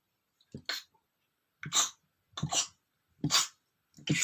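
A man gives about five short, muffled sneezes, each a brief breathy catch followed by a suppressed burst: stifled sneezes.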